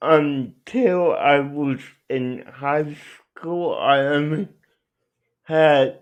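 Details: Adult male with cerebral palsy; dysarthria inferred from his speech, not explicitly diagnosed.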